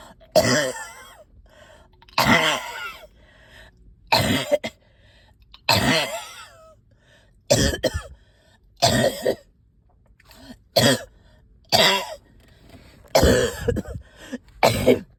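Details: Productive cough in a person up all night with a heavy chest and headache: about ten harsh, wet-sounding coughs with throat clearing between, with stubborn sticky phlegm.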